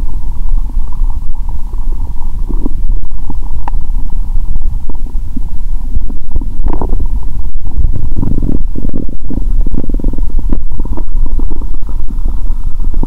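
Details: Bowel sounds through a stethoscope on the abdomen of a person fasting over 15 hours, during a cola and Mentos challenge: loud continuous low rumbling and gurgling with bursts of bubbling, very active.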